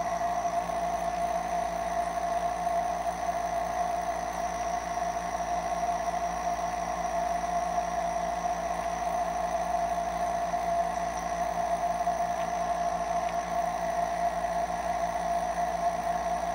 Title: A short nebulizer sound